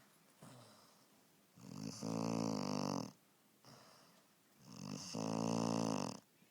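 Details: Regular snoring in a sleeping puppy: soft breath out then buzzing, rattly breath in, about 20 breaths a minute; snoring.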